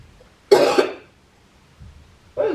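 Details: Acted cough in a prank: the wife fakes coughing up blood to her husband. One harsh, forced cough, then the start of another; not a real illness.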